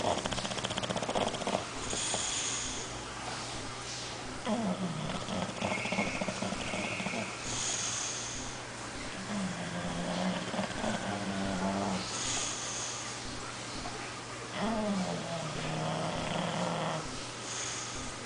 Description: This is my Bulldog. His name is Fusca. Listen to him snoring.